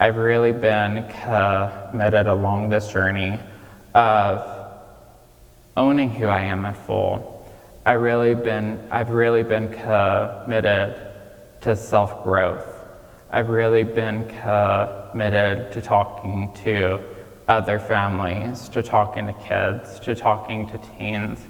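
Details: Childhood apraxia of speech in a 26-year-old man, diagnosed at age 5, nonspeaking until age 5, treated with speech therapy five times a week.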